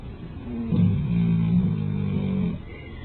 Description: astrid the great moper snores loudly.